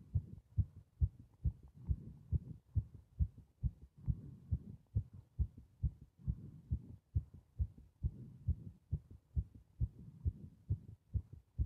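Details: Steady, regular low heart thumps at about 130 beats a minute with soft breathing noise, recorded while breathing into a bag; heart sounds.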